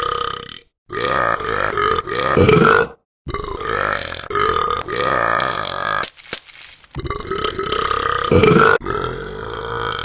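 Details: A run of long, loud, croaking belches with brief pauses between them. Repeated burping.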